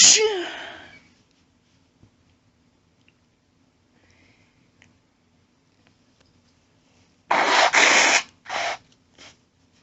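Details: A woman gives one very powerful sneeze, a quiet pause, then a burst of nose blowing with a few shorter blows.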